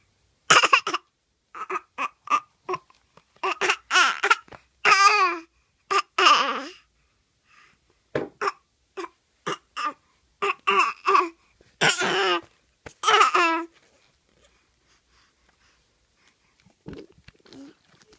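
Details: Young child imitating coughing in play after hearing his sick mother cough: repeated short, voiced cough-like bursts, not a true cough.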